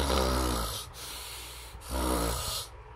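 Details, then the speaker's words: Simulated nasal snoring by an adult demonstrating nose versus mouth snoring: two rumbling snores through the nose with a quieter breath between them. "để có thể phân biệt được các tiếng ngáy từ mũi và tiếng nghe từ miệng thì mình cũng có thể giả lập được cái tiếng ngáy đó chẳng ngại Nhưng khi mà mình nhé bằng mũi thì nó sẽ như thế này"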